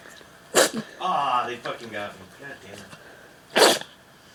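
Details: A dog sneezing: two sharp, explosive sneezes a few seconds apart, with soft snorting sounds between them.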